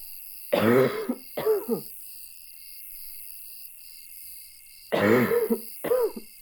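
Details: Person in a motel room at two in the morning unable to stop coughing, loud barking coughing fits.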